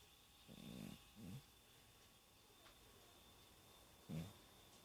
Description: Geriatric 19 year-old cat snoring and having a vivid dream.